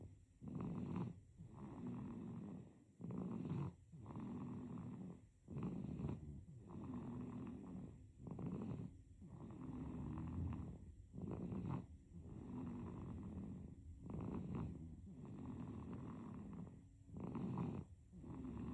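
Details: Sleeping infant with a soft, rhythmic rattling snore on quick, even breaths throughout; infant snoring.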